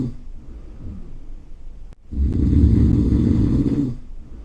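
After quiet breathing, one loud, low, rattling snore lasts about two seconds on an in-breath. This is a sound-effect recording of snoring.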